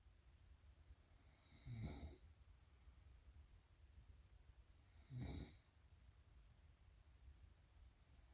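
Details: Two loud, rough snores about three seconds apart, each a low rattling rumble on the breath, over steady room hiss; snoring.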